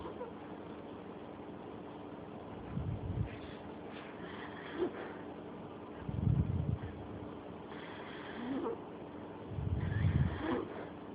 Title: Pitbull snoring!!!